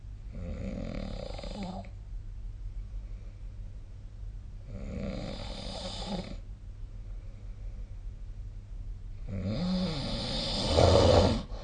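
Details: Three loud, rattling snores on the in-breath, about every four to five seconds, with quiet breathing between them; ordinary snoring during sleep.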